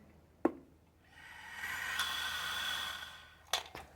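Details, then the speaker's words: A click, then a long steady airy inhalation lasting about two seconds after fully exhaling and holding the mouthpiece, raising the ball: deep breathing on an incentive spirometer, nursing-class demonstration. "अब मैं सांस यानी कि हम air को inhale करके रोक के दिखाएंगे कि कि बॉल कितने समय तक ऊपर रुका रहता है।"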